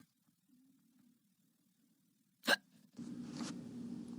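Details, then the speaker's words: Sound effect for a read-aloud story, "Skeleton Hiccups," in which the skeleton wakes up with the hiccups: one sharp, abrupt cartoon hiccup in near silence, followed by rising background noise. "skeleton woke up had the hiccups took a shower brush his teeth polish his bones carve the pumpkin some leaves played with ghost"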